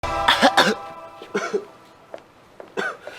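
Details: Acted coughing scene from the Korean film 'Flu' (감기): two sharp coughs, then fainter coughs and throat sounds, with background music.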